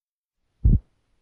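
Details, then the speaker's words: Heart auscultation during a physical exam; S1 comes from mitral and tricuspid valve closure, marks the start of systole and is heard best at the apex: split S1. "s1 which results from closure of the mitral and tricuspid valves marks the start of systole"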